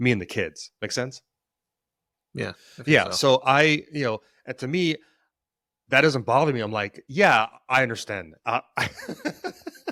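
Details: Stuttering in an adult man who has stuttered since childhood; he says it is situational, worse under stress and with authority figures, and links its triggers to past trauma.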